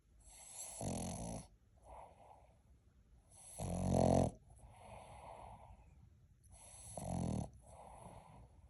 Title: #Puppy Snoring #shorts